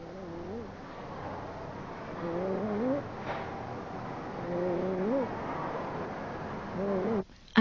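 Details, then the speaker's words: A child breathing at about 27 breaths a minute, with a harsh, high-pitched crowing sound on each inhalation. This is inspiratory stridor. "napas anak ini mempunyai bunyi yang kasar ketika menarik naas anak ini mempunyai stdor"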